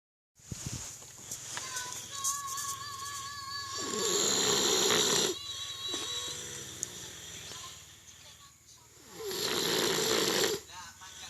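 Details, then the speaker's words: Person sleeping: two long, loud rasping snoring breaths about six seconds apart over room noise and faint music. "Orangnya sedang tidur. Ngorok pisan."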